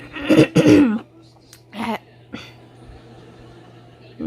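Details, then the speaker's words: Person vlogging near midnight clears their throat: two forceful throat-clearing bursts, then a few softer clears against quiet room hum. "Now I had to clear my throat."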